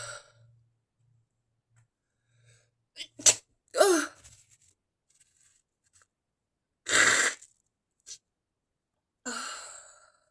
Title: inducing stifled sneezes went wrong :_)